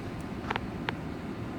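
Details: Baby girl sneezing four times: tiny, brief, high, squeaky infant sneezes over a low, steady background rumble.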